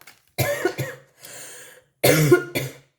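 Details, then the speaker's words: Adult with a cold and a failing voice coughs in two short fits of about two harsh bursts each, with an audible indrawn breath between them. "Excusez-moi, ça doit être très désagréable pour vous en vidéo de m'entendre tousser, mais c'est la cata, hein."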